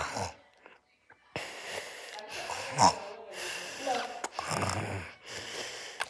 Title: Mi hermanito roncando 😴. My brother snores 😴